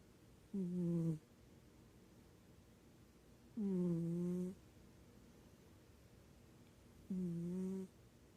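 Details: Quiet snoring from a sleeping cat.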